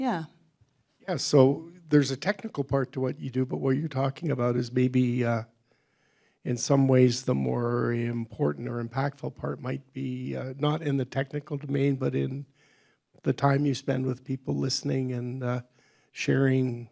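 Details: Adult man speaking; normal speech.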